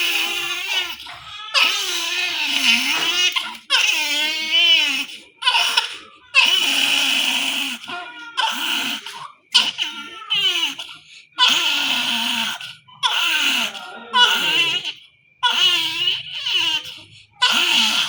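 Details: Newborn in NICU during NG tube passing and stomach lavage for aspiration: loud, strained, high-pitched crying in long wails with brief gasping pauses; distressed newborn cry.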